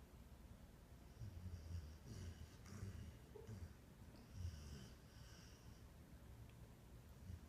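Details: Pet dog dreaming, hiccuping and snoring in sleep: soft, low rhythmic snorting breaths with faint whistly noises.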